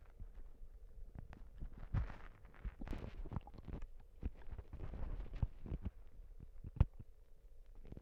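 Low gurgling and rumbling bowel sounds with bursts of bubbling, ordinary stomach noises.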